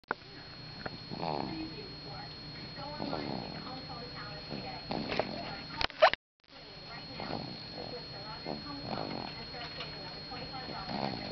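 Soft, rhythmic snoring from a sleeping baby, with a snore roughly every two seconds.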